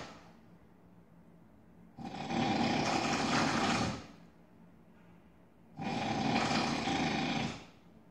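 Two long, loud, rough snores about four seconds apart, harsh and buzzing like a power tool, with quiet breathing between them.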